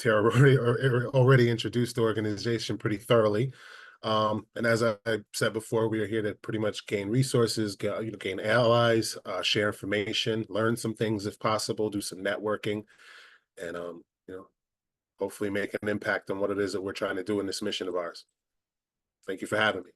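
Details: Adult male speaker; Normal speech.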